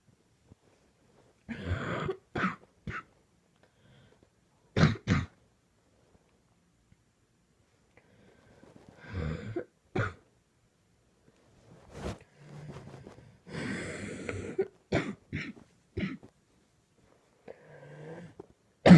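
Repeated harsh coughs in clusters with pauses between, in a quiet room: a prolonged coughing fit.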